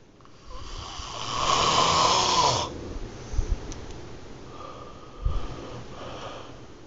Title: Love is....snoring sensation